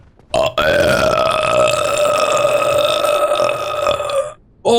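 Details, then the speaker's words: One long, loud, steady voiced belch lasting about four seconds, deliberate burping during a gaming session; burping. "Oh, okay. Nice burp."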